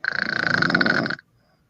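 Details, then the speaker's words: A woman snoring while asleep, one of a set of women's snoring recordings, not stated to be sleep apnea: a single loud, fluttering, rattling snore lasting about a second; snoring. "but I mean I'm saying it's cute but to be honest on the serious side snoring isn't always cute you can have sleep apnea but this isn't sleep apnea that I have or someone else"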